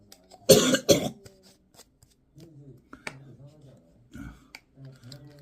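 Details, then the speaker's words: Adult man (father of five) with a cold and fever, coughing and sweating all night; cough. "결국 밤새도록 밤새 기침하고 땀흘리고"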